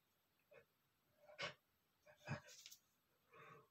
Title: male sneezing #35 (DAMN DUST GOT IN MY NOSE!!)